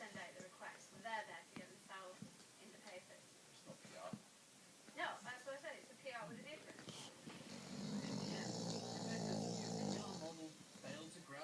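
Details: Snoring while relaxing on a sofa: television talk in the background, then a few seconds of low, rumbling snoring breaths.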